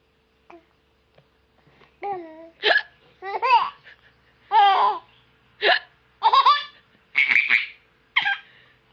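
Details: Adult (mother) hiccups: brief, abrupt hiccup sounds between a baby's bursts of laughter in a quiet room.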